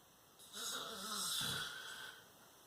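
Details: A father snoring in his sleep on a school night: a single harsh, rattling breath sound over a quiet room.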